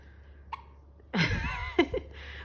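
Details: An infant girl repeatedly gets the hiccups while trying to laugh: short voiced, laugh-like sounds broken by sudden sharp catching gasps, with faint room noise behind.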